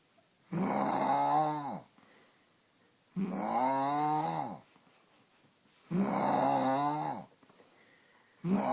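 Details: Llamacorn snoring: loud, rattling snores on each breath in a quiet room, about 23 a minute, with soft exhales between.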